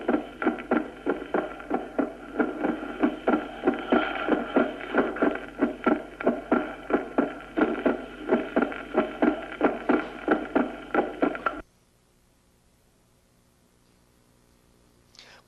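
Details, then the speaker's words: Regular heart sounds about 90 a minute with a fixed split second sound unchanged by breathing, shown in atrial septal defect (Eisenmenger syndrome with pulmonary hypertension); also occurs in right ventricular failure. "el desdoblamiento fijo se debe a que ambas aurículas se llenan de la misma manera también se presenta en la insuficiencia ventricular derecha escuchémoslo"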